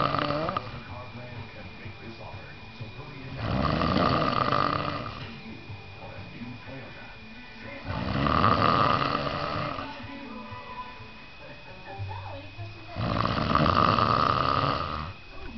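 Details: Man sleeping on a couch: loud, regular rattling snores on each in-breath, about 12 a minute, with faint background noise: heavy snoring.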